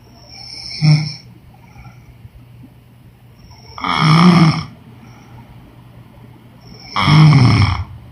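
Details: Woman snoring: three rough, rattling snores roughly three seconds apart over a faint steady hum, about twenty breaths a minute.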